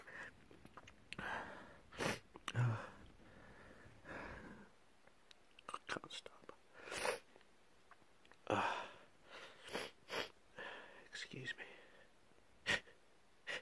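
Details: Person with a cold: a sneezing fit of sharp bursts with quick breaths drawn in between, in a quiet small room.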